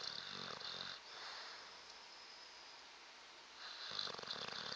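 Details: Sleeping bulldog snoring: rattling snore bursts separated by pauses of hissing airflow, over steady background hiss.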